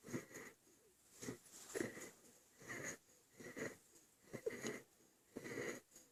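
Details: Quick, noisy breaths with a wheezy, snuffly edge, about ten breaths in six seconds: a baby boy breathing hard, laboured infant breathing.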